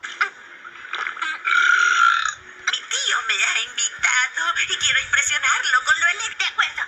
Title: Burps compilation 24